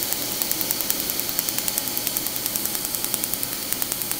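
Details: Laser tattoo removal on the upper back, removing a scripted-name tattoo: rapid, regular sharp snapping clicks about 150 a minute over a steady hiss as the tattoo removal laser fires pulses.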